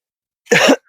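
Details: A single short, harsh cough burst from an adult, close to throat clearing, while gardening outdoors; the speaker attributes the coughing and stuffiness to allergies.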